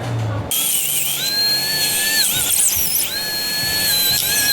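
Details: Dental drill whining steadily, pitch dipping under load, as a veterinarian cuts a dog's broken premolar into sections so each root can be elevated and pulled out during extraction.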